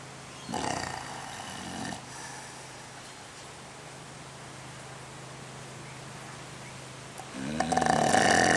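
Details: One harsh, fluttering snore near the start, then quiet breathing and a burst of louder noise at the end; snorer sleeping with eyes open; snoring.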